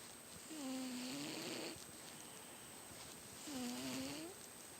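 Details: Small cat snoring very loudly while asleep: two long, loud, whistling snores, each about a second long, with a steady high hum in the background.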